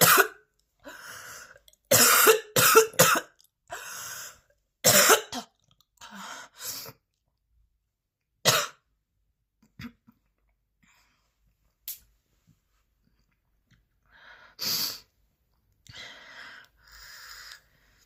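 Bursts of harsh, forceful coughing repeat with short pauses, then fade to smaller coughs and throat clearing. The pattern is a persistent coughing fit.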